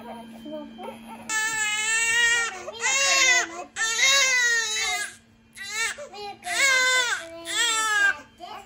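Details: Loud, rhythmic wailing cries in bursts with short breaths between, from a baby, over faint room hum and quiet background talk; ordinary infant crying.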